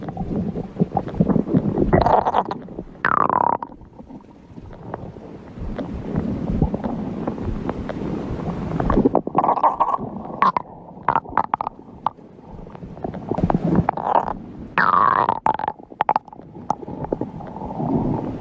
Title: My stomach growling fun #52